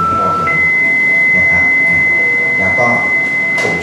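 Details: Defibrillator charging tone after energy selection and charge button, during a demonstration of a new hospital defibrillator for medical students and interns.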